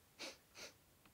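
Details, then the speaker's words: Imitation of an aunt's sniffing vocal tic in Tourette syndrome, by a person who also has Tourette syndrome: two quick nasal sniffs, then a faint third. "the only person in my family who's ever had coprolalia was my aunt when she was a teenager now she sniffs that's her"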